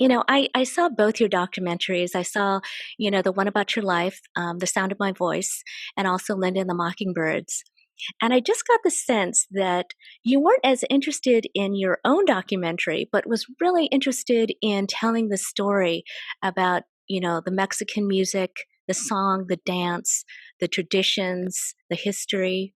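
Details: Adult woman speaking; typical speech.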